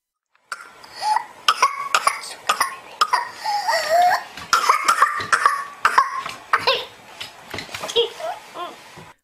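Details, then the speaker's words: Whooping cough (pertussis) in a child: a rapid run of harsh coughs broken by high-pitched, drawn-in gasps. "The illness can be dangerous in older adults and young children, especially babies who are not old enough to have had the pertussis vaccine yet. So this is what pertussis sounds like."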